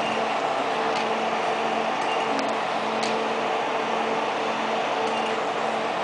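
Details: Steady machine hum with a few faint ticks: 1064nm long-pulse Nd:YAG laser running during hair removal.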